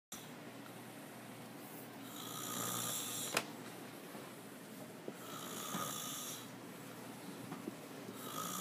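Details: Adult male friend, drunk and passed out, snoring: soft rhythmic snores, about three slow breath cycles in eight seconds, noisy rasping on each breath, steady background hiss.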